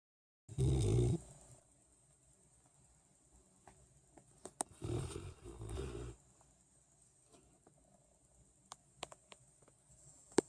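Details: Sleepy dog snoring: two deep, rumbling snores separated by a quiet pause, with faint clicks in a still room.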